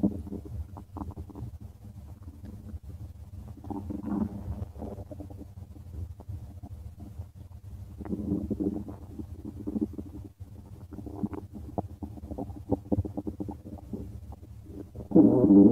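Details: Stomach of a person: continuous low gurgling and rumbling with bubbling swells, ordinary stomach growling (borborygmi) from gas and fluid moving through the gut.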